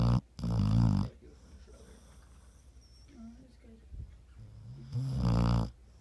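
Two deep, loud rumbling snores with a quiet pause between, over faint background sounds.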